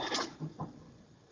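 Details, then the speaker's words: Cat having a sneezing fit: three quick, sharp bursts of air in rapid succession in a quiet room; sneezing. "Oh my gosh, can you hear my cat? He's having a sneezing fit. Poor guy."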